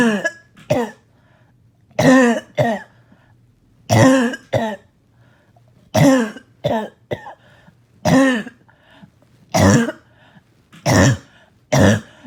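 Repeated harsh, barking coughs in single and paired bursts, about 29 a minute, with a wet, phlegmy edge between them; a barking cough.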